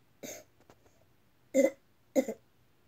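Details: Three short, soft coughs from a child in a quiet room during a cough check; the child is asked where it hurts when coughing and whether it is hard to breathe.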